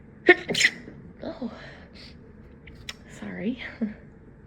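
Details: Two quick sneezes in a row, then brief voiced sounds and a partly held-back sneeze: repeated sneezing.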